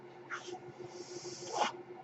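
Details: Mechanical ventilator breathing cycle heard in the background while a podcast host who uses a ventilator speaks.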